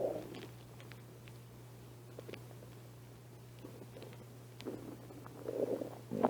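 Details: Quiet gurgling bubbles over a steady low hum, with louder growls near the end; minor stomach growling in a person who has not been eating much lately.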